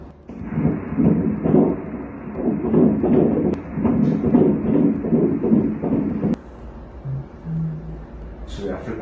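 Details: Fetal heartbeat on Doppler ultrasound at 12 weeks of pregnancy, during a nuchal translucency scan: rapid, regular whooshing pulses at 148 beats a minute, normal.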